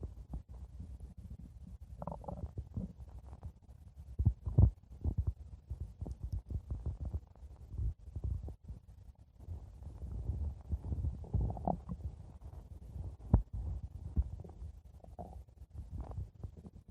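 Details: Low, continuous gurgling and rumbling with occasional louder bubbling from the belly: stomach growling (borborygmi).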